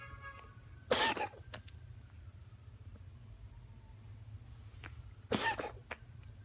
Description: My cat Lola coughing...